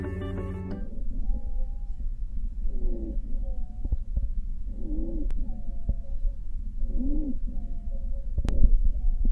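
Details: Wheezes on chest auscultation: continuous adventitious lung sounds.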